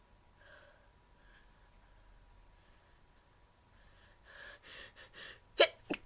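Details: Deliberately stifled sneezes, hard to hold in, one escaping: quiet breathy catches, then muffled bursts and two sharp suppressed sneezes.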